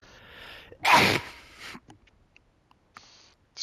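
A quick breath in, then one loud explosive sneeze followed by quiet breathing.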